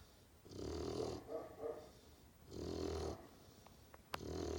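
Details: Great Pyrenees puppy snoring: repeated rasping snores with each breath, about three in four seconds, with a soft fluttering sound between them.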